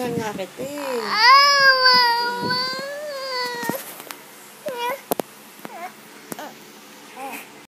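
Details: Sick baby boy: a sustained fussy infant wail with shorter whimpering sounds after it; an unwell baby's cry.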